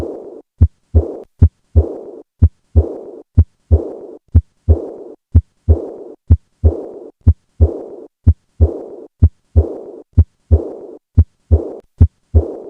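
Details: Acute aortic regurgitation auscultated at the 4th left intercostal space: regular heartbeat near 60 a minute with a blowing, fading diastolic murmur after the second sound.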